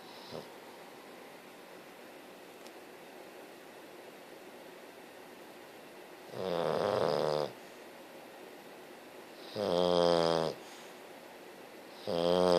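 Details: Very tired English bulldog snoring: loud, rattly snoring with each breath, three snores over about twelve seconds in a quiet room; snoring.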